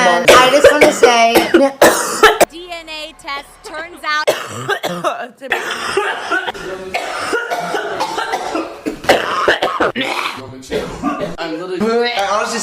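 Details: Adult woman who says a friend gave her bronchitis has a coughing fit: a rapid run of harsh, repeated coughs, followed by talking.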